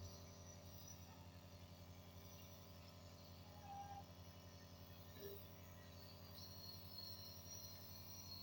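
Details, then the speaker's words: Steady, low mechanical hum of a nebulizer compressor running while a baby is nebulized for cough and phlegm, with faint background sounds. "देखिए बच्चा नेबुलाइज़ कर रहा है। देखो ये हुक्का पी रहा है या नेबुलाइज़ कर रहा है।"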